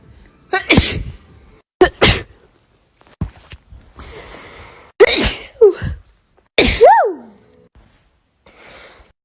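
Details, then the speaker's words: A woman with bad allergies and swollen eyes sneezing several times in a row: each a quick intake of breath, then a sharp explosive burst. Repeated allergy sneezing. "Let me print this out, and I'm going to. This is a compilation of me sneezing."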